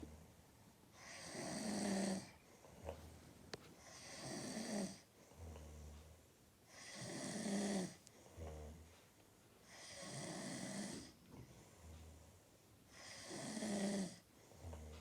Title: Roncando